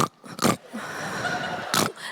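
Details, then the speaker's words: Comedian imitating her husband's snoring on stage: snorting, pig-like snore bursts separated by a sustained noisy stretch; simulated snoring. "Well, not all of us, but some men, I don't know what it is about you, but you have to eventually suck the walls through your nostrils to feel like a man again."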